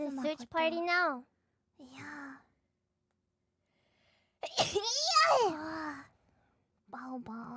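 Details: High-pitched, squeaky sneezes with short voiced bursts between them in a quiet room, from a VTuber during a stream (sneezes 133–142, old recording); sneezing.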